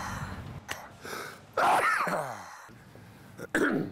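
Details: A man sneezing into his hands during an interview, then rejecting a handkerchief: a loud, voiced sneeze with a trailing exhale, then the start of a second burst; sneezing.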